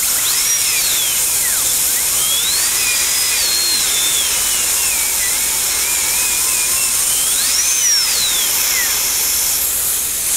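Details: High-pitched dental drill whine rising and falling over a steady hiss while a permanent filling is placed and adjusted. This is at the end of a root canal on a crowned front tooth with a large jaw-bone abscess.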